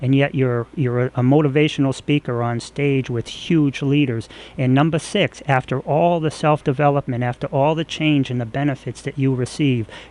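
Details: Adult male speaker; ordinary speech.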